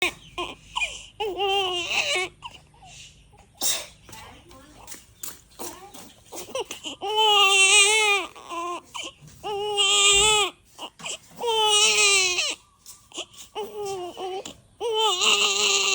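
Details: Newborn baby after sunbathing: bursts of crying with whimpers and fussy sounds between the louder wails, recorded in a small room.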